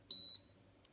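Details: Terumo TE-112 infusion pump: a single short high-pitched electronic key beep when the button is pressed to restart normal operation after bolus mode.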